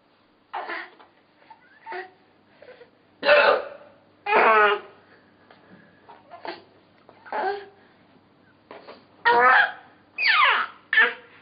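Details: A mother's hiccups: repeated abrupt voiced 'hic' sounds, about ten in eleven seconds at irregular spacing.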